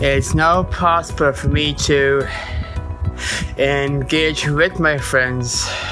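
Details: Person who stutters, working hard to overcome their stutter. Stuttering.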